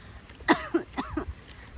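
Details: Not a real cough: choked in surprise after seeing a monkey on the road. Two abrupt, harsh cough bursts with a strained, voiced catch, like something going down the wrong way.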